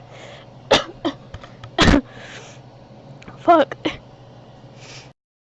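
Several abrupt, brief voiced catches at irregular intervals against soft room noise; hiccups rather than sneezes.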